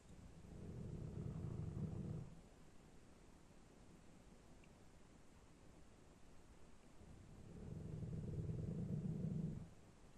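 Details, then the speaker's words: Two long, low rumbling snores about seven seconds apart, muffled through a floor: a snorer on the bedroom floor heard from the sitting room below, loud enough that the floor seemed to vibrate. "It's snoring on the floor of my bedroom, which is above my sitting room."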